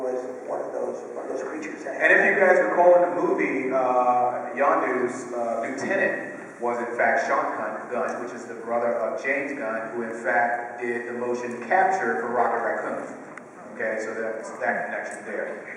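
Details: Adult male speaker; normal voice.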